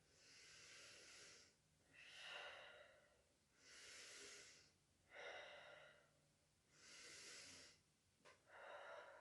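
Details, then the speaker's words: Young woman breathing deeply through the mouth during posterior chest lung auscultation, arms crossed: slow, smooth airy inhalations and exhalations, about 20 a minute; normal deep mouth breathing. "por favor señorita mejía va a respirar profundamente y con la boca"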